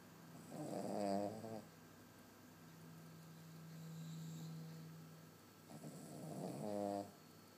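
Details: Small dog (house guest) snoring loudly: rattling, buzzing inward snores with a quieter hum between.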